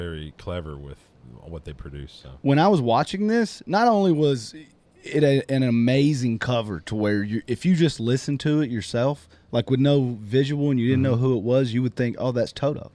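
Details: Adult male speaker; typical speech.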